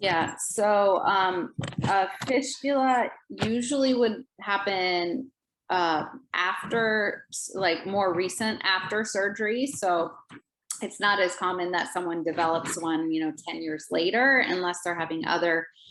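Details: Adult woman speaking; Typical adult speech.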